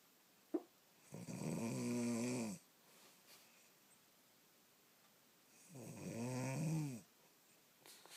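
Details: Dog sleeping, snoring that keeps someone up all night: two loud, rattling snores on the in-breath with quiet pauses between; heavy snoring.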